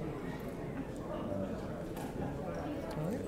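Rhythmic, pulsing whoosh of a Doppler flow signal over steady background hiss: normal vertebral artery flow on transcranial Doppler.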